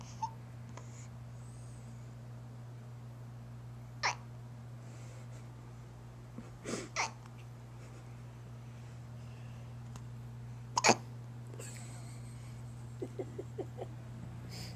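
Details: Baby with hiccups: several sudden, short gulping catches spaced by quiet pauses over a steady room hum, one sounding wet; a big hiccup from a little baby.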